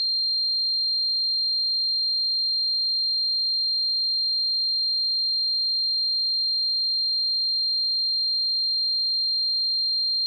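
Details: Sound-effect simulation of tinnitus: a steady, high-pitched continuous ringing tone throughout.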